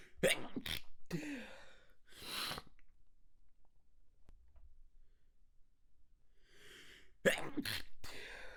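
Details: Two clusters of short, muffled, forcefully held-back sneeze bursts separated by a quiet pause, manually induced at extra-sensitive spots: stifled sneezes.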